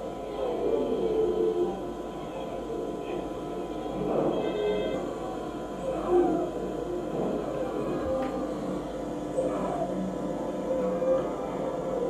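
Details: Child with acute breathlessness, visible chest recessions and breathing effort: noisy breathing with musical expiratory wheeze and a few short dry coughs.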